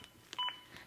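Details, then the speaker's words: Short electronic beep from a ZOLL AED Plus CPR metronome, synchronized to chest compressions on a training mannequin and pacing the rescuer to at least 100 compressions per minute. "up the beeps begin again and are synchronized to my compressions and again speed me up to at least 100 compressions as recommended by the American Heart Association"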